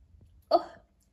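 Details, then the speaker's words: Person sneezing repeatedly after putting up a very dusty Christmas tree: a single brief, voiced sneeze that fades quickly, in a quiet room. "I have been sneezing and sneezing and I feel like I'm going to sneeze again"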